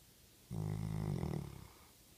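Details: A single low, fluttering snore lasting about a second from a sleeping chocolate Labrador in a quiet room; ordinary snoring.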